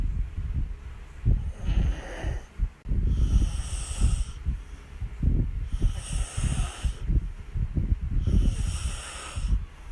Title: Caught on camera snoring..